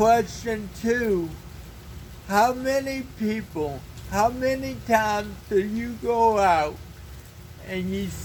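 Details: Dysarthric speech in an adult man with cerebral palsy.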